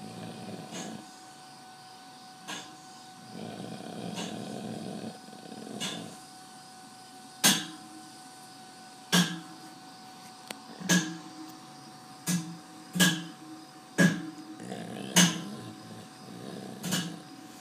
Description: The most kick ass 3 minutes of a motherfuckin dog snoring on my motherloving bed.